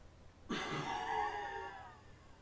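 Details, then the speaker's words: A sudden forceful blast of breath tailing off over about 1.5 seconds: a patient on a Welch Allyn PC-based spirometer doing an FVC test, blowing out as forcefully and as long as possible after breathing in. "the patient should breathe in as before place the sensor in their mouth before blowing out as forcefully and for as long as possible"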